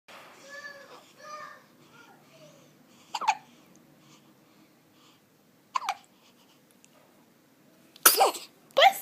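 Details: One-week-old baby with hiccups: coos, then sudden sharp isolated catches of breath every few seconds, each a brief jolt.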